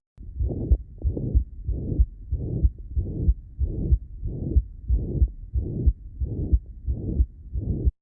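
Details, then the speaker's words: Patient heard over the apex with a regular rhythm near 92/min: a flat, blowing holosystolic murmur filling all of systole. Mitral regurgitation. "absolutely it's a hollow systolic murmur it occurs across all of systole and it's flat it's flat in shape it's it's a flat sound all the way across"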